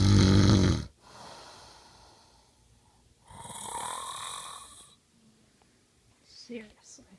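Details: Loud rasping breath followed by two noisy, rattling inward breaths between quiet gaps; a sleeper's nightly snoring, recorded by the partner who hears it every night.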